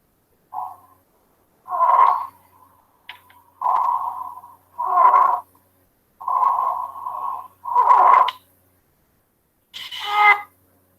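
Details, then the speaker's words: Stridor demonstrated in a respiratory semiology lesson: loud, high-pitched musical noise with each breath, about 20 breaths a minute, described as arising in the larger-calibre airways, the trachea or larynx. "Entonces, por eso es importante lo que yo les mencionaba de los diámetros, porque si ustedes se fijan, el estridor se va a presentar acá en la tráquea o en la laringe, es decir, de mayor calibre, de mayor diámetro, y se escucha más o menos así."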